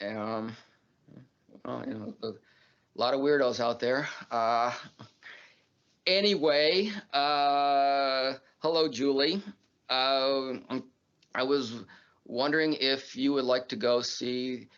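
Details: Adult man who stutters, filmed in a documentary about living with stuttering; stuttering.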